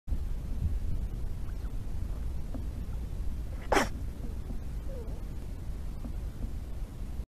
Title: Otter sneeze!